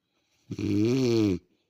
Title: My Wife snoring